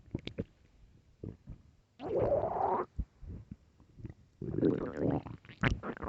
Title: LOUD hungry stomach growls (headphones)